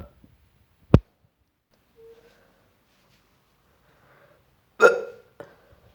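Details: Nauseous, sick person burping, later vomited: a sharp click, then after a pause a short throaty belch with a smaller follow-up, in a quiet room.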